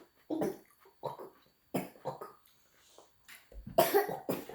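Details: 17-month-old toddler practising covering the mouth with a hand while coughing: about six small, deliberate coughs, some muffled by the hand; imitated voluntary cough, not illness.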